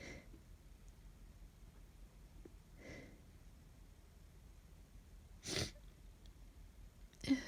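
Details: Sneezing with a cold: several short, quiet sneeze-like bursts, about four in seven seconds, in a quiet room.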